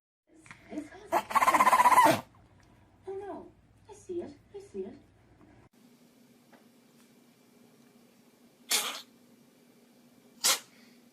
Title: Funny Cats and Dogs Sneezing Compilation